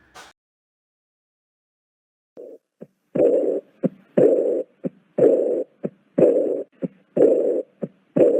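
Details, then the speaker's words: Aortic regurgitation: diastolic regurgitant murmur, with each sharp beat at about 60 per minute followed by a long soft blowing murmur in the resting phase. "entonces de ahí determinamos que es un soplo diastólico de regurgitación"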